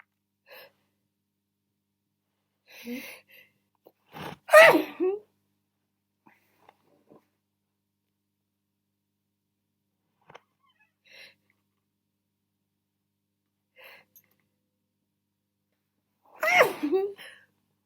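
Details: Person deliberately muffling sneezes: two stifled sneezes, each with a gasping build-up and a quiet burst, plus several faint breaths and catches in between.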